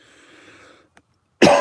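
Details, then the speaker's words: Near silence in a quiet room, then one loud, harsh cough burst cut off at the end: a persistent cough in an adult still getting over COVID, who feels lethargic with low energy. "Like, I still got that cough from still getting over COVID, but my energy's still not there."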